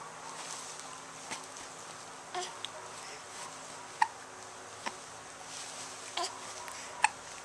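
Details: Person with hiccups, turning on her side and wrestling with a pillow: soft, brief hiccups about 20 per minute, unevenly spaced, over steady background hiss.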